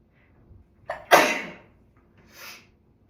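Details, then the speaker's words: After a short in-breath, one loud explosive sneeze from a person who was around a cat the day before and now feels stuffed up with a swollen-feeling face. "Sorry. I sneezed all over myself."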